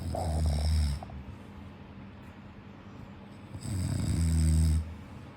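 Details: Heavy snoring: two deep, loud, vibrating snores with a quiet pause between them; snoring.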